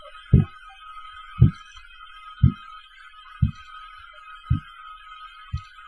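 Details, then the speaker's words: Korotkoff sounds heard by the auscultatory method, with the stethoscope diaphragm placed gently over the brachial artery while the cuff is slowly deflated at 2–4 mmHg per second during a blood pressure measurement practical. "You can see initially how he is doing. That is how you hear the Kurott cough sounds."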